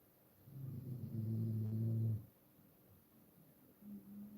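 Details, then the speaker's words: Sleeping "granny" with teeth out, lips flapping as she breathes: long, low, rumbling snore with fluttering lips, then another breath; snoring. "Have I met a granny you can hear her snoring? Yeah, she's taking her teeth out and it's her lips flapping as she breathes."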